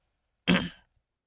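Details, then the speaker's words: Productive cough from an adult man who is unwell with persistent phlegm: a single short, throaty cough or throat-clear in a quiet room. "Maaf saya batuk-batuk. Mungkin enggak enak teman-teman dengarnya ya. Karena kondisinya apa ini? Kondisi saya gak sehat untuk dahaknya. Ini muncul terus. Jadi harus dikeluarkan."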